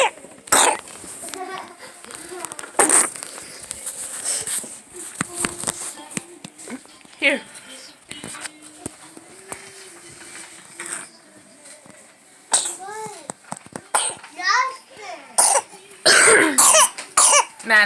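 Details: A 7-week-old infant gives several sharp, harsh coughs between fussy, squeaky vocal sounds: cough in laryngomalacia.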